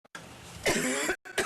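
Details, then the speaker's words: Whooping cough (pertussis): a child's run of harsh coughs ending in a strained, high-pitched noisy inhalation (whoop), shown during a local pertussis outbreak mostly affecting school-aged children. "YOU DON'T WANT TO SOUND LIKE THIS DURING THE HOLIDAY SEASON. AUSTIN TRAVIS COUNTY HAS SEEN MORE THAN 154 CASES OF WHOOPING COUGH SO FAR THIS YEAR."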